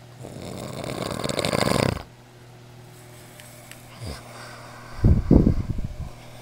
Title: The Snore Monster